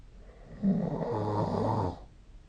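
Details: Single low, buzzing snore lasting about a second and a half on one breath, recorded during sleep with the SnoreLab phone app; snoring.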